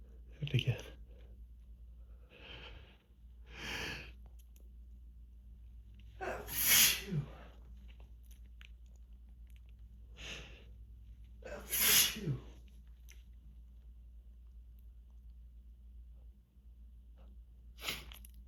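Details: Person with grass pollen allergy, several days without medication, sneezing endlessly: six sharp sneezes over about eighteen seconds with quieter breaths between, in a quiet hotel room; repeated allergic sneezing.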